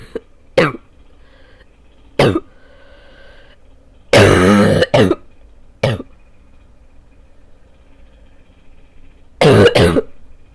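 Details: Someone sick for about two weeks gives repeated harsh, hollow coughs in uneven bursts with quiet pauses between: a lingering barking cough.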